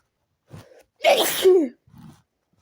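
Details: A short in-breath, then one loud, explosive sneeze and a quiet breath out, persisting despite changing rooms; part of a sneezing fit.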